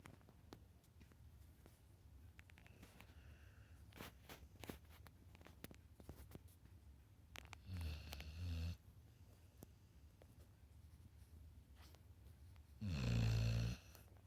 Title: snoring puppy (volume & brightness up)